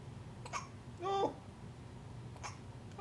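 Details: Infant girl's hiccups after an 11 PM feeding and diaper change; brief abrupt breath catches about two seconds apart, one with a short squeaky voiced sound.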